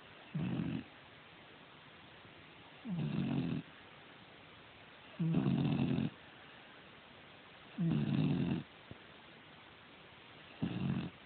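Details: Sleeping animal with regular, rough snores about every 2.5 seconds, roughly 24 a minute; snoring.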